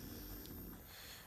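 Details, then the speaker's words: Snoring from a sleeping French bulldog: low, rumbling, rattly breathing noise against quiet room noise. "он сейчас спит поэтому вы можете слышать он это французский бульдог Они храпу они храпят"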